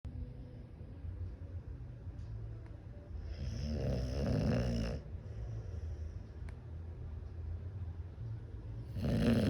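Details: American Bully dog snoring after a night kept awake by New Year's Eve fireworks: slow rough snores, one long rattling snore midway and another starting at the end.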